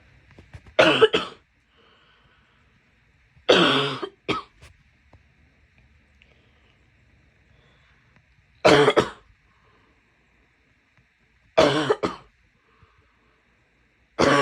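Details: Female coughing: four loud, harsh coughs, each with a short follow-up burst, spaced by quiet pauses.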